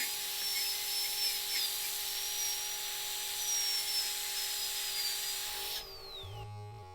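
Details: Steady high-pitched whine of a dental surgical drill sectioning a three-rooted tooth into three single-root fragments on a surgical extraction training simulator, before each root is elevated out individually.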